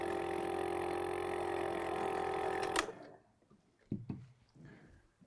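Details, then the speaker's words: Suction unit running on a Laerdal Advanced Airway Solution training manikin, contaminated airway demo where an instructor or peer pumps vomit into the airway while a learner practices suction: steady motor hum and whine, abrupt cutoff, then quiet handling sounds. "The solution comes with a system which allows vomit to be pumped into the airway by an instructor or peer whilst learner practices their suction technique."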